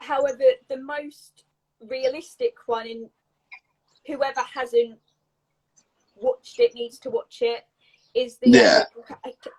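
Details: Adult woman with a stammer since age three, a neurological speech impediment involving blocks and repetitions, speaking in a live conversation; stammering (stuttering).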